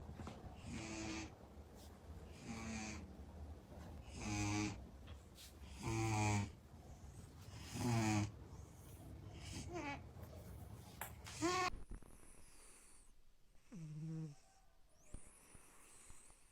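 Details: Cat snoring in sleep: regular rattling snores about every two seconds, roughly 30 breaths a minute, then softer whistling breaths.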